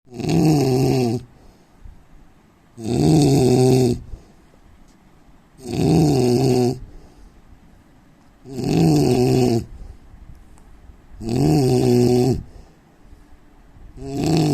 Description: indian man snoring sound asmr sound problem